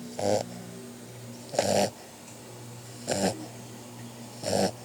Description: Our puppy got caught. He never believes me when I tell him he snores.